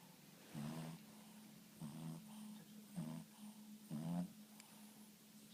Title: Gizmo snoring.aaarrrhhh so cute